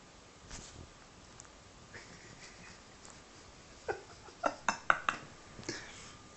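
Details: Sleeping cat snoring: quiet breathy sounds, then a run of about five short, squeaky snorts close together.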